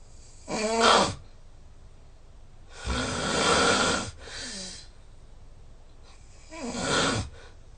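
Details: Loud snoring recorded with a snoring app overnight, excerpt from 2:30–8:30: about 6 hours of sleep, snoring about 4 h 40 min (84%), snore score 145.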